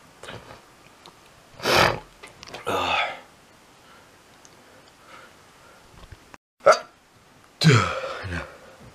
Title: heavy and loud sneezing